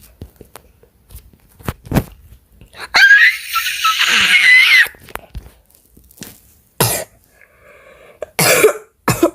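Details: A child who had recently been sick with a cold coughs in several short bursts, including one longer harsh coughing run, while talking during a game recording.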